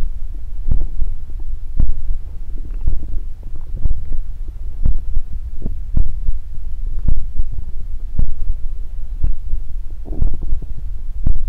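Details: Stomach growling (borborygmi) recorded for body-sound ASMR: low gurgling and thumping abdominal rumbles recurring throughout, ordinary gut movement of gas and fluid.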